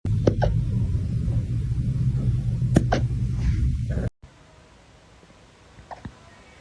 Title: Cutest puppy hiccup #dog #puppy #funny #viral